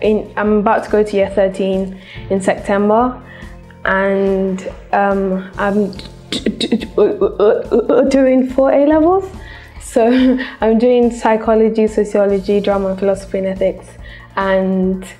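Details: 16-year-old from London attending a stammering therapy course, with a stammer for about 10 years that started at age 8; stammering.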